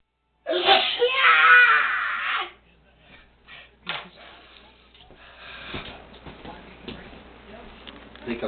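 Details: Adult man (husband) having a repeated sneezing attack: long, loud, drawn-out voiced sneeze followed by quieter sniffs and breaths; sneezing fit.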